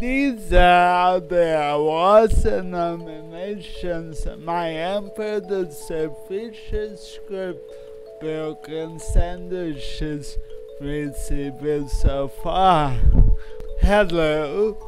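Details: Man with cerebral palsy speaking; no speech disorder is named.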